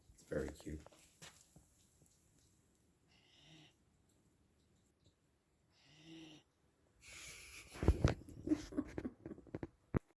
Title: Puppy Sleeps So Dramatically (and snores)